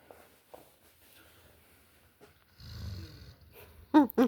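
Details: Sleeping puppy snoring on a bed: soft, low rumbling snore on one breath between faint rustles, ending with brief loud voiced sounds: snoring.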